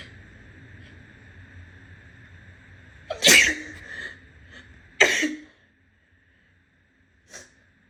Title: sneezing, sniffles and noseblows